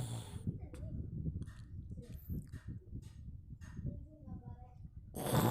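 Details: Sleeping cat: soft, low rumbling breaths, a gentle snore during sleep.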